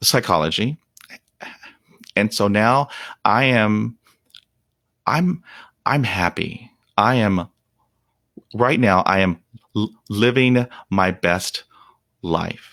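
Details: Real, unedited speech of an adult man who stutters. Onset was at age five, when shock/trauma from a German Shepherd attack dropped his fluency to 0%. He reports blocks in which he turns red and stops breathing. Stuttering.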